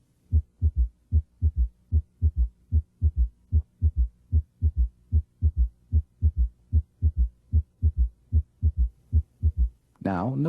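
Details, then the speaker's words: Simulated heartbeat at about 75 a minute, with the bell placed lightly on the apical impulse and the patient rolled partway onto the left side; a soft, low extra sound after S2; third heart sound (S3) gallop. "then recheck the position of the apical impulse and place the bell lightly on it if the patient had an audible s3 it would sound like this"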